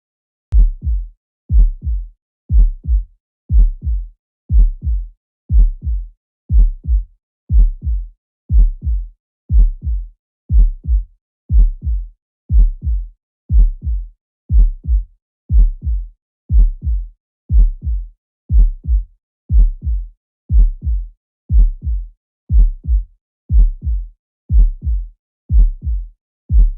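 Steady lub-dub heart sounds at about 60 beats a minute, regular rhythm, no added noises heard.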